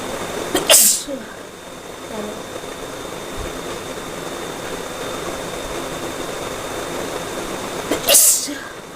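Two sharp, loud sneezes about seven seconds apart over steady background noise.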